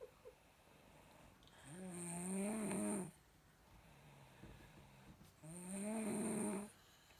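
Two drawn-out, tonal, whistling snores on breaths in, with quiet pauses between them, about 17 breaths a minute.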